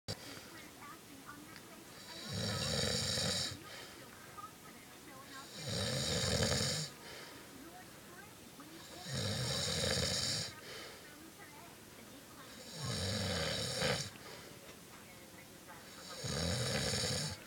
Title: Dad Says He Doesn't Snore.